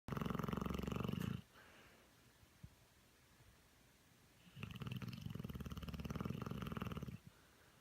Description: Dog who snores louder than a human!